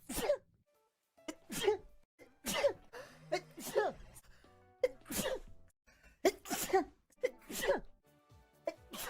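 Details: A run of about seven short, explosive sneezes in quick succession, some high-pitched, from a streamer in a sneeze compilation, with faint background music.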